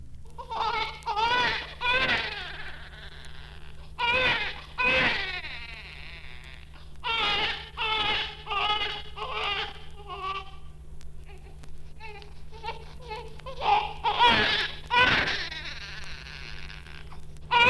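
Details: Normal newborn cry.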